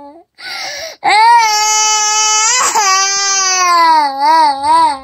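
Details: Toddler crying: 28-month-old (2-year-old) child's loud, sustained wailing cry with wavering pitch, protesting at bedtime and not wanting to sleep.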